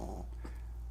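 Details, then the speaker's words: Dog sleeping on owner's lap, snoring and snorting a lot, which the owner thinks may need checking; snoring stops when turned sideways: dog snoring. "and doggy snores now you can hear doggy snores we might have to get him checked out he uh he snorts a little too much"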